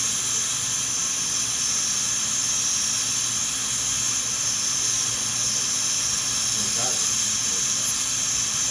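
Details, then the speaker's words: Steady high-pitched hissing whine of a high-speed dental handpiece with water spray, cutting tooth during rough reduction for porcelain veneers with lingual chamfer margins on teeth #7 and #8. "So at first I'm just going to kind of rough them in, and then I'm going to start checking frequently with our reduction guide."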